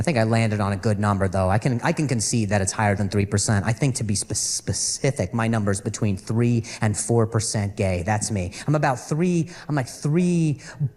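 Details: Adult male stand-up comedian who says he stutters and calls it a very mild speech impediment; repetitions of words and phrases are heard during his set; stuttering.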